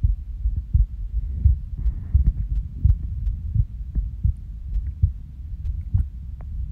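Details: Resting heartbeat recorded on waking from a nap, with uneven spacing and occasional pauses near 85 a minute; irregular heartbeat with skipped beats.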